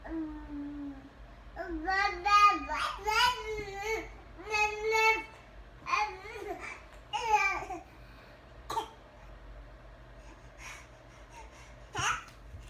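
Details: Infant babbles in voiced strings, then gives two short, sharp, deliberate cough-like bursts; playful voluntary fake coughing.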